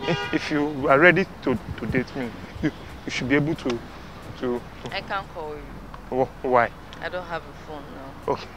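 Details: Acted stuttering: a stammer performed for a street prank show, not a real disorder.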